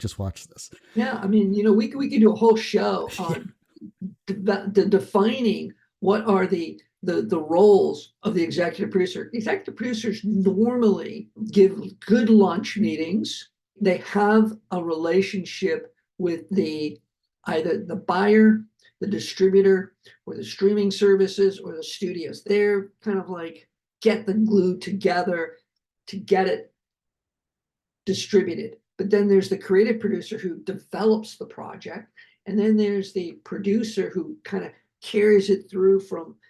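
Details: Adult man, a heart attack and aphasia survivor who keeps working as a producer, speaking with aphasia.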